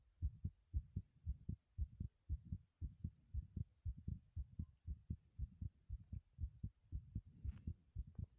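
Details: Own heartbeat recorded while running in a bathroom: fast, steady paired thumps at about 115 beats a minute, quickened with exertion; rapid heartbeat during exercise.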